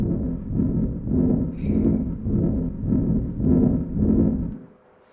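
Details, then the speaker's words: Asymptomatic pregnant woman with a thrill palpable across the left precordium: loud, rough grade 6 systolic murmur swelling with each beat over a continuous background murmur, about 105 a minute. "she had a grade six systolic murmur readily Audible and also had a continuous murmur in the background behind that and that might sound something like"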